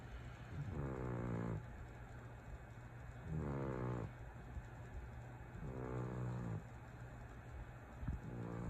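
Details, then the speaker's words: Snoring cat sprawled asleep on owner's bed. "That's the snoring cat. Took over my bed."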